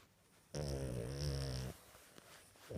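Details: A sleeping dog snoring: a single loud, rattling snore on an in-breath, with quiet room sound around it.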